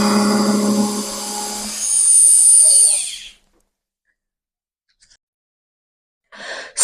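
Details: Dental implant drill whining at high pitch, rising then spinning down to silence, during the final 4.8 mm osteotomy drill for a Swiss bone level implant. The 12 mm site is in the mandibular left first molar region of a model with about 9 mm bone width.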